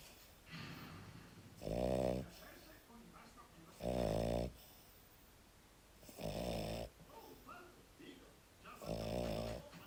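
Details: Dog snoring in sleep: four loud, rattling, buzzy snores about two seconds apart with softer outward breaths between, roughly 24 breaths a minute.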